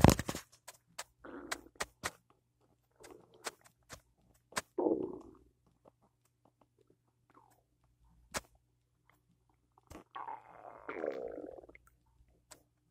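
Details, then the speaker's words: An adult's loud morning stomach noises after cereal with peanut butter and coffee: several gurgling, bubbling rumbles with scattered faint clicks and pauses; stomach rumbling (borborygmi). "I had cereal with peanut butter. Is that why my stomach's making all that noise?"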